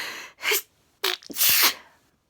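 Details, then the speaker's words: Adult sneezing again just before bed, with jaw spasms noted, part of chronic sneezing. A quick inward breath, then two sharp sneeze bursts. "I was just about to turn the lights off to go to bed started sneezing so quickly grab my phone"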